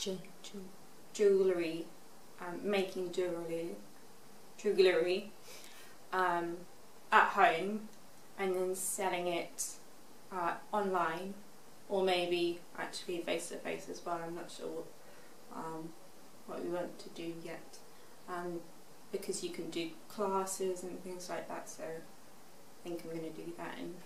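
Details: Expressive aphasia after a stroke at age 18, in a young woman now 24, recorded six years after the stroke; shows her improvement in speech.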